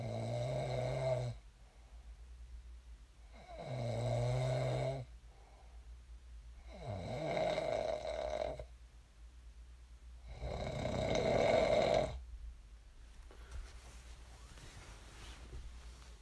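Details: Snoring during sleep, with about four loud rattling snores on breathing in and quiet gaps between; ordinary heavy snoring.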